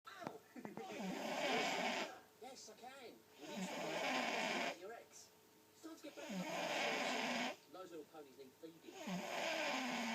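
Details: Steady, breathy snoring during sleep with whistling, squeaky out-breaths at about 22 breaths a minute.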